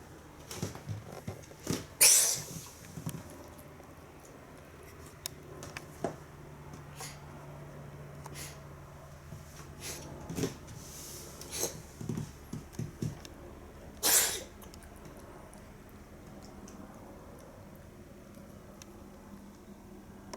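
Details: Cat that can't stop sneezing: repeated short, sharp sneezes and snuffling bursts, about eight to ten over twenty seconds, in a quiet room; frequent sneezing.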